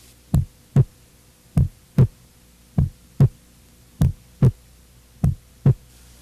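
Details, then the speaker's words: Normal first heart sound (S1) in an adult, heard best at the mitral area, fifth intercostal space, midclavicular line, at the apex impulse. Slow, regular lub-dub at about 50 a minute. S1 reflects mitral and tricuspid closure and is longer and lower than S2. "primeira bulha corresponde ao fechamento das válvulas mitral e tricúspide sendo que o melhor ponto de ausculta é o foco mitral seu som é mais prolongado e mais grave do que o da segunda bolha"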